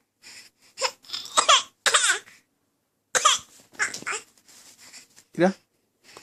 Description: When she doesn't like something ..she does her fake cough